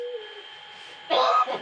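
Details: A myna bird learning to talk, giving a short whistle and then a harsh cough-like burst as it imitates a human cough.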